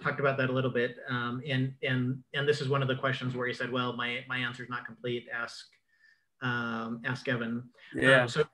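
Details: Adult man with self-reported cluttering involving repetitions, interjections, revisions and telescoping, especially when talking fast: cluttering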